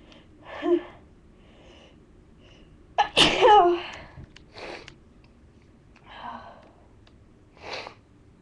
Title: loud sneezes